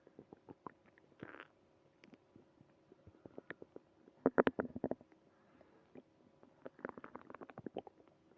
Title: Early morning tummy trouble (stomach growling)